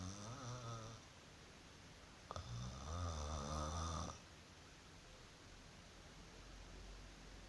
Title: My snore today❤